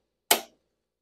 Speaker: you will hear a click just like that